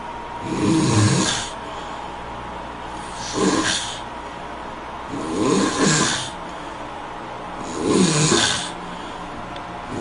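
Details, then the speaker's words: Four loud, rattling snores about every two and a half seconds, each with a hissy breath, over steady room hum; snoring. "Who [ __ ] snores like that? Like seriously."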